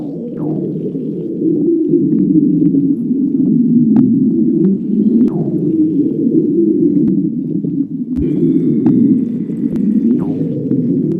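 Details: Long, continuous low rumbling and gurgling with scattered faint clicks from a person's stomach: stomach growling, ordinary bowel sounds (borborygmi).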